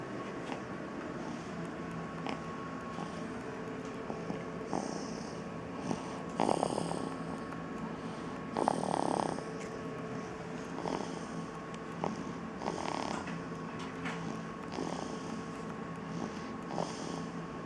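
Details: A young child asleep in a stroller after a long day out: soft, irregular snoring snorts over steady room hum, with a couple of louder rattling breaths.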